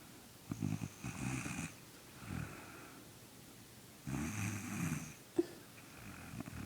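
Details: Little brother sleeping and snoring, not waking despite attempts to wake him: low rattling snores with each inward breath and quiet gaps between, a plain snore.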